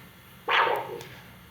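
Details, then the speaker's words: Handheld Doppler on a healthy young male student: a sharp whooshing pulse fading into softer trailing sounds, counted 1-2-3; a normal triphasic arterial waveform. "1, 2, 3. 1, 2, 3. So that's triphasic waveforms, right? So that's a very good waveforms."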